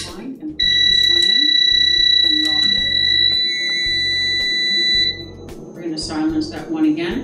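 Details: HeartMate 2 LVAD controller alarm while the patient switches from a broken controller to the backup: a loud steady high-pitched tone for several seconds, then stops, with music and clicks behind.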